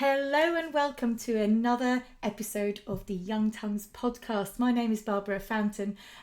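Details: Adult woman speaking; typical speech.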